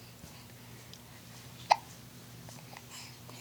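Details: 8-week-old infant: a single sharp, brief hiccup in a quiet room; ordinary infant hiccups.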